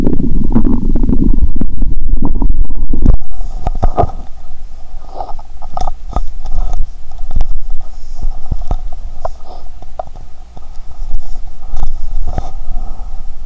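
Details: Stethoscope on own abdomen; stomach sounds heard even near the heart; loud low gurgling, then scattered gurgles, pops and clicks: normal bowel sounds (borborygmi).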